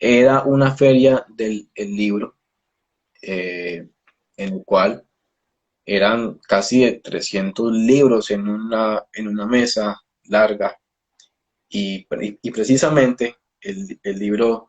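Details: Adult male speech-language pathologist who stutters, speaking Spanish; stuttering.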